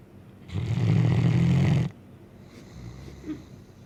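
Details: Blue Great Dane sleeping: one loud, deep, rumbling snore over a second long, then quiet breathing; snoring.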